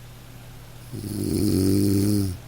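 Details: A sleeping dog gives a single low, rumbling, gentle snore over steady soft rain noise, in a recording meant as a sleep aid.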